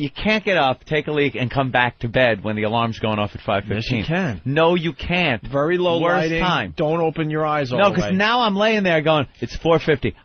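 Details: Adult male speaker; Ordinary speech.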